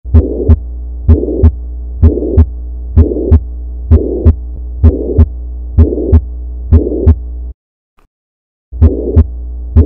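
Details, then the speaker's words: Dog heart heard with an electronic stethoscope at about 64 beats a minute: a whooshing systolic murmur, an added sound filling systole between the first and second heart sounds. "Il s'agissait ici d'un bruit surrajouté en phase de sistole entre le B1 et le B2, entre le loup et le doub."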